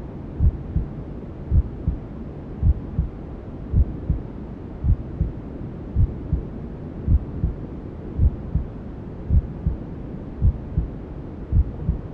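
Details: Newborn sleep-aid ASMR: steady, regular low maternal heartbeat thumps, about 54 a minute, over constant white-noise hiss, resembling womb sounds heard as a fetus; maternal heartbeat with white noise.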